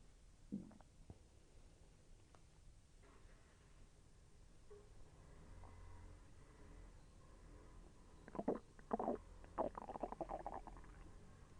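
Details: Soft gurgles, then a burst of bubbling, rolling rumbles over faint background hum: bowel sounds of digestion from intestinal movement that felt slightly painful.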